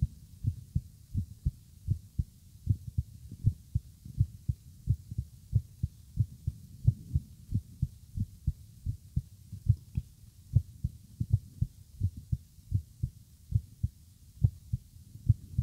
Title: Morning heartbeat